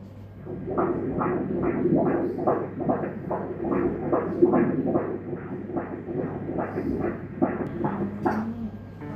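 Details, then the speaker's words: Fetal heartbeat at 32 weeks of pregnancy (baby boy) on Doppler during a 4D ultrasound: rapid whooshing pulses at about 140 a minute, described as normal. "ปกตินะครับได้ยินเสียงหัวใจแล้ว12หรอครับวันนี้ใหญ่แล้ว"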